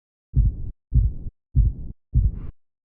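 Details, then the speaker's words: Teaching demonstration of a fourth heart sound from forceful active left ventricular filling late in diastole, blood striking ventricular walls: four deep, muffled low thumps in steady rhythm, about 100 a minute. "es un efecto activo es decir con cuánta fuerza se está llenando el ventrículo bastante fuerza y entonces la sangre con quién choca con las paredes del ventrículo"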